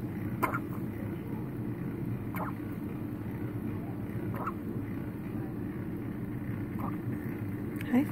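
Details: Newborn baby, 5 days old, with hiccups: brief, sharp catches about every two seconds over steady room noise, four or five in all.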